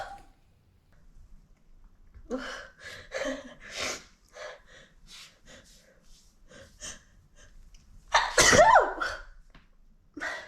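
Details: Single adult sneeze in an Alice in Wonderland role-play: a run of quick catching breaths builds to one loud, voiced sneeze, with another breath starting just after.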